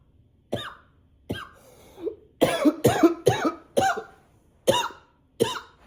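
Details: Persistent nonstop cough: about eight sharp coughs in quick succession with brief gaps.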